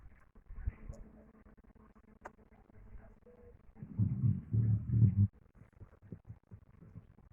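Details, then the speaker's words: Dog deeply asleep, snoring; owner thinks it may be a nightmare: low, rumbling snore over faint background noise. "muy profundamente dormido pero lo más chistoso es que está roncando"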